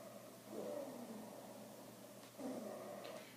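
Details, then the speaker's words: Recorded wheezing lung sounds on expiration, played through a phone speaker during a lung auscultation lesson: two musical, whistling breath sounds. "this should give you some wheezing noises you can hear that wheezing"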